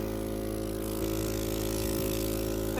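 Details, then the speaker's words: A home care suction unit with a sleeved suction catheter attached is switched on, ready to suction a medically complex child's tracheostomy: steady motor hum with a low buzz. "We use about one of these every day. Going to turn it on by hitting this power button."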